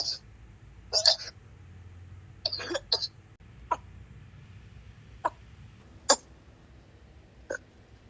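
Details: Coughing fit strong enough to make the person want to vomit: repeated harsh cough bursts, about eight in eight seconds, forceful and sustained.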